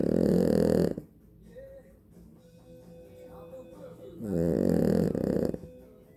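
Two loud, rattling snores with a quieter stretch between them and faint music in the background; ordinary snoring.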